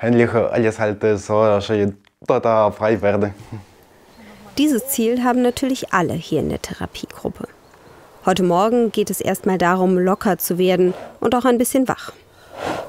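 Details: Adult woman speaking; normal speech.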